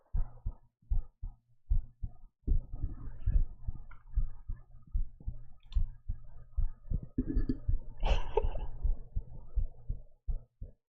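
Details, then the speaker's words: Muffled, regular low heart thumps at about 77 per minute with faint rustling and room noise, described as a normal, functional heartbeat though the speaker thinks it sounds a little too fast. "This is This is what the heart sounds like. It's totally functional."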